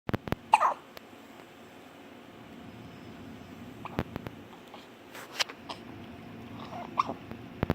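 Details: Hiccups: a few short, sharp catching sounds scattered over a quiet room hiss.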